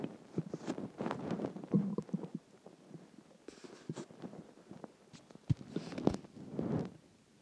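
Low gurgling and rumbling bursts with soft bubbling pops from the belly; ordinary stomach growling from digestion, water and gas.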